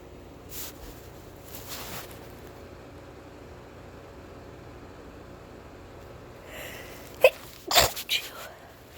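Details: Self-induced sneeze by a person feeling stuffy: quiet room, then a sharp intake of breath and one explosive sneeze near the end with a short trailing sound.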